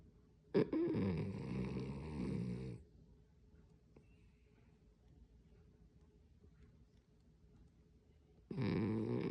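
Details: Sleeping dog, possibly dreaming: loud, low, rattling snores on the in-breath, two breaths several seconds apart. Snoring.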